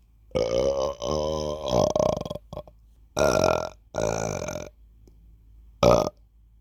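Five drawn-out, low, croaky belches with pauses between them in a quiet room; repeated burping.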